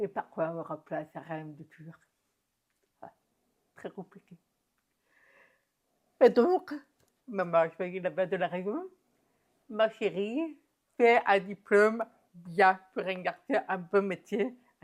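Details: Adult woman deaf since infancy (diagnosed at 9 months, doctors said she would never speak), who has never heard her own voice and learned to speak through about 20 years of speech therapy and lip-reading; deaf speech.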